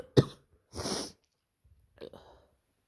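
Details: An adult with a bad head cold (scratchy throat, headache, often sick since starting work at a kindergarten) makes a sharp cough-like burst, then a rasping throat clear and a softer throat-clearing sound.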